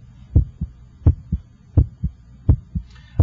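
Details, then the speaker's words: Heart auscultated with an electronic stethoscope at the apex while radial pulse is felt to time S1: regular lub-dub about 85 a minute, first sound louder; normal first and second heart sounds. "I can hear your first heart sound and I can hear the second heart sound the first hot sound should have a louder quality in this apical"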